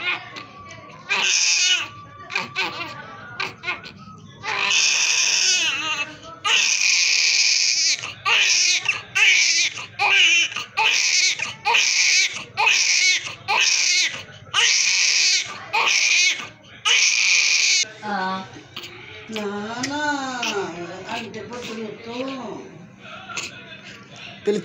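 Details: Newborn crying immediately after birth: loud, repeated high-pitched bursts, with adult voices nearby.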